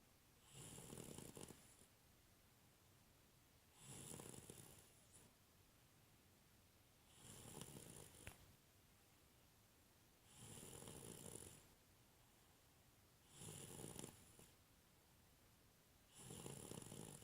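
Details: Six steady, soft snores about every three seconds, roughly 20 breaths a minute, each with a faint whistle, in a quiet room; snoring.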